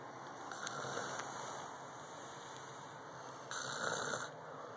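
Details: Light snoring from a sleeping person: soft, hissy breathing noise rising into one longer rasping breath near the end over steady room hiss.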